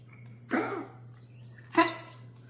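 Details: Dog recorded by its owner for the vet gives two separate harsh coughs over a steady low background hum: cough.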